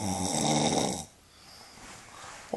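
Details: A single loud, rough, rattling inward snore lasting about a second, then quiet, from a sleeping woman; snoring.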